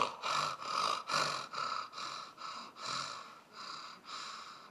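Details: An ENT doctor's lecture on snoring and sleep apnea diagnosis imitates apnea: quick, shallow, breathy puffs that fade, then a sudden loud snorting gasp as breathing resumes. This is imitated obstructive sleep apnea with snoring and gasping.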